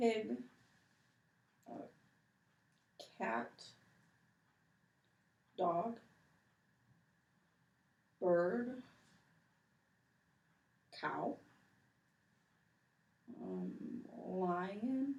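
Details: Man, 28, with severe Broca's aphasia and severe apraxia of speech after a hemorrhagic stroke, with anomia and difficulty initiating speech, naming animals for one minute in a word fluency test: Broca's aphasia with apraxia of speech.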